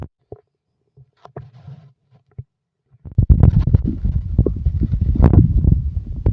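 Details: Stomach growling (borborygmi): a few short low gurgles, then a long run of loud, irregular low rumbling and gurgling.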